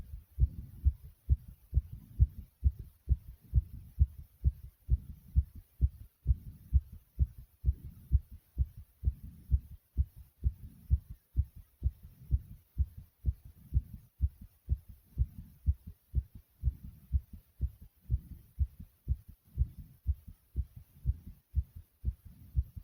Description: My heart is beating rapidly after some exercising.